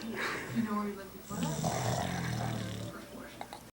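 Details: Sleeping pit bull dog snoring: low rumbling, fluttering snore sounds with faint room noise; ordinary snoring.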